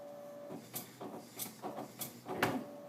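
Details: Steady electrical hum with four mechanical clunks and whirs as a veterinary chemistry analyzer reads up to 12 loaded test slides; analyzer operating.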